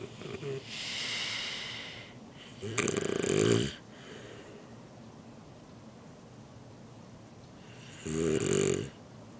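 Loud rattling snores on breaths in, three in about nine seconds, with quieter breathing between: snoring.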